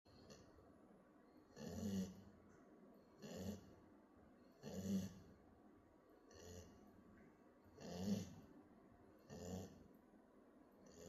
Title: Snoring Pupy